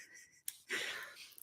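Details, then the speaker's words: Female pet dog coughing indoors, heard while someone reads aloud. "I wonder if you can hear my dog coughing."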